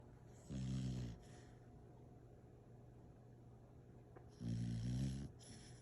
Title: Yes her tone is out and yes she snores, but she’s the best pupper I’ve ever had!!